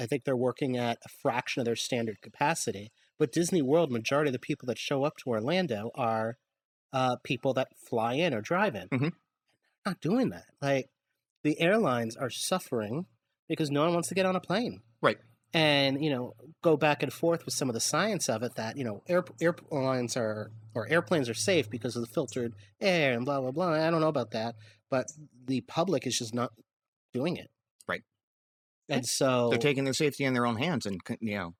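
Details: Adult man speaking; ordinary speech.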